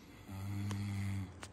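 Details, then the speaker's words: A person asleep snores in the background of a room, heard from a distance and then closer up; snoring. "लेकिन आपको पीछे आवाज आ रही होगी। बस दो मिनट का मौन रखिए। खर्राटे लेके सो रहा है।"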